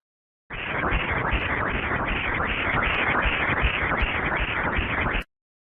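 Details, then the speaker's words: Normal fetal ductus venosus Doppler sound during obstetric ultrasound: continuous whooshing, churning flow with fast rhythmic pulses like a washing machine; listening while sampling helps confirm correct cursor placement. "The ductus venosus has a characteristic sound. Its sound looks like the sound of washing machine. Listening while sampling is helpful to confirm correct cursor placement."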